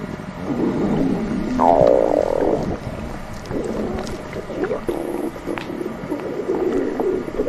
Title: Stomach growling